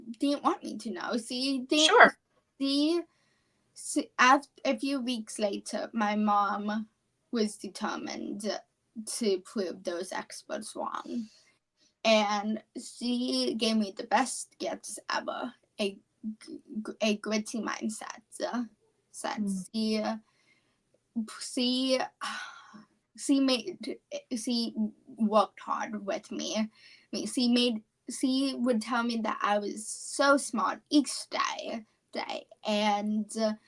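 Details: Childhood apraxia of speech, a neurological speech disorder, in a 17-year-old female high school senior. She has had speech therapy since about age four, has word-recall difficulty, and was once only 10% intelligible.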